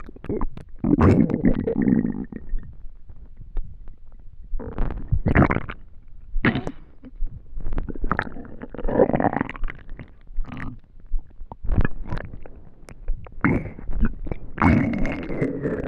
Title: Hungry stomach noises last video of the year 🎉🎊